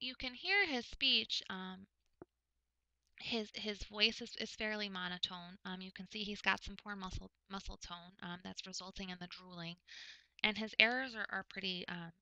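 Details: Adult woman lecturing; typical speech.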